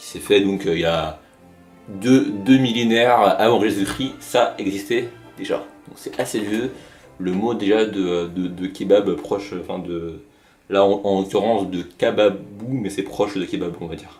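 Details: Stuttering in a French-speaking narrator of an informal hobby video from 2015, presented as stuttering in action.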